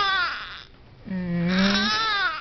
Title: baby cry again...